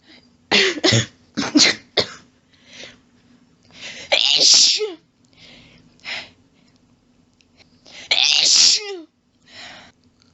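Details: Female with short coughs and gasping breaths between repeated sneezes, from losing her breath during a long, rapid sneezing fit.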